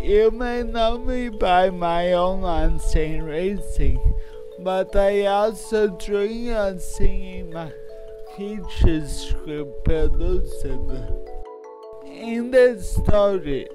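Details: Adult male with cerebral palsy, speech disorder not specifically named; speech in cerebral palsy (dysarthric speech).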